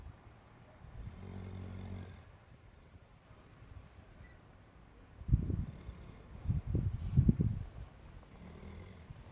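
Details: Snoring from a sleeping Newfoundland puppy, said to be dreaming: soft, low snoring breaths with a few louder snorting bursts in the middle.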